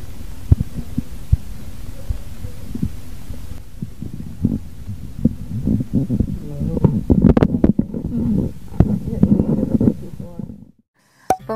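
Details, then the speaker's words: Korotkoff sounds heard through a stethoscope as the blood pressure cuff deflates during a manual blood pressure measurement demonstration. "hilangnya suara dianggap sebagai tekanan darah diastolik dikurangi 2 mm HG setelah suara terakhir terdengar sekarang coba dengarkan dengan tenang bunyi korotkoff"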